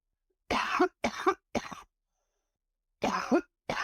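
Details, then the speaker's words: Adult woman, an East Palestine resident after the chemical release, has a coughing fit of harsh, dry cough bursts with short pauses after a couple of days in town, with a noticeably hoarse voice. "My coughing fit's gone. It's after being in town for a couple of days."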